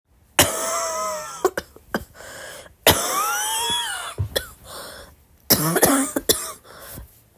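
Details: Three harsh, prolonged coughing bursts with squeaky, whistling tones and short catches in between: repeated, forceful coughing.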